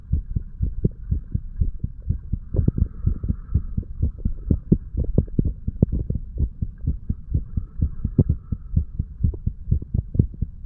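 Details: Heartbeat of a 35-year-old male recorded through a stethoscope a couple of hours after going to bed after drinking too much alcohol, moving from the mitral (bicuspid) to the tricuspid area: repeated low, dull thumps over a faint background hum.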